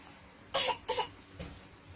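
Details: Child's brief coughing bout: two short, sharp coughs in quick succession, then a faint third effort.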